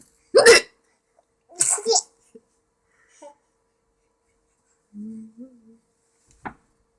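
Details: A child's hiccups: several abrupt hiccups mixed with giggling and short voiced sounds in a quiet room, at bedtime.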